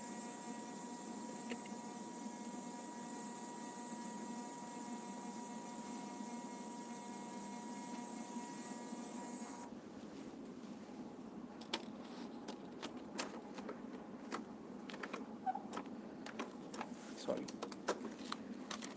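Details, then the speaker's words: Digital 12-lead ECG machine printing its recording after a demonstration capture of normal sinus rhythm at 60 bpm: a steady mechanical whir with a faint tone, then scattered clicks as the printer stops. "once we click the start recording the machine will start recording the data and once the recording is done it will automatically print the"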